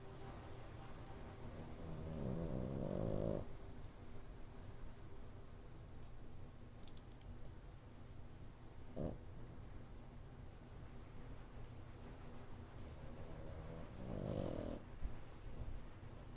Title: French Bulldog Puppy snoring!!!